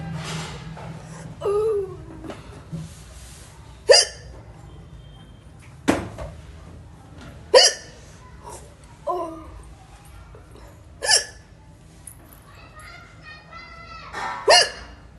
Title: || Indian Woman Hiccups ||